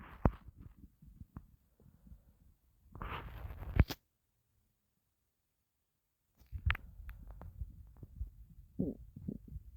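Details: Low gurgling rumbles and squeaks in bursts with a quiet pause, stomach growling from a person who had not eaten for a long time and was starving.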